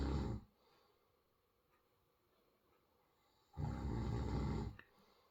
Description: one of those 'I don't snore' moments